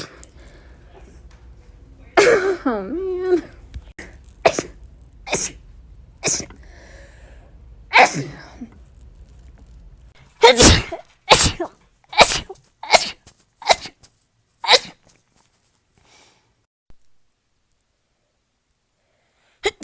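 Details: One sneeze followed by a rapid series of short, sharp sneezes in quick succession, with faint room noise, from a person in a compilation of rapid sneezes; sneezing.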